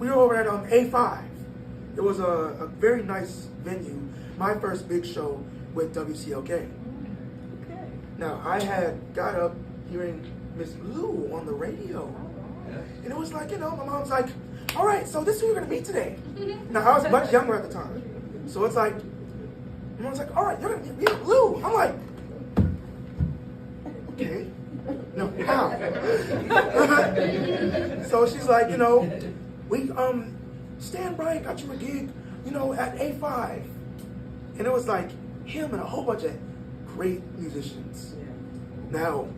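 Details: 22-year-old man born prematurely at about one pound, vocal folds developing after birth and still not closing fully; breathy voice from incomplete vocal fold closure.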